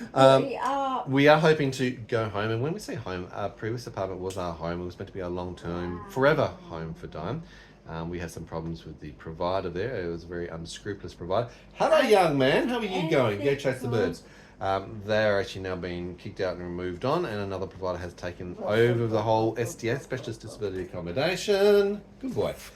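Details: Adult man; ordinary speech.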